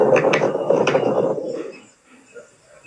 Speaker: Los crepitantes sonidos discontinuos y breves. Suelen asociarse con la presencia de líquido o secreciones en los alveolos. Hay crepitantes gruesos que se escuchan en neumonía y en insuficiencia cardíaca